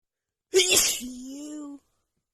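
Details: Female with runny nose after an hour outside in cold snowy weather, plus dust: a single forceful sneeze with a hissing burst, trailing into a short voiced moan; sneezing.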